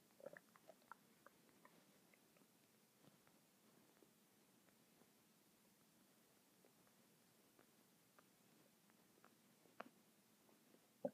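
Faint gurgles and brief bubbling squeaks from the belly over low room noise, ordinary bowel sounds.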